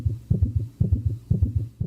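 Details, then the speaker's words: Teaching audio for health-science students showing how tachycardia sounds: rapid, regular low heart sounds with short pauses, about 120 beats a minute. This is tachycardia. "los estudiantes de ciencias de la salud ahora tienen acceso a este tipo de materiales sonoros para aprender por ejemplo cómo suena una taquicardia"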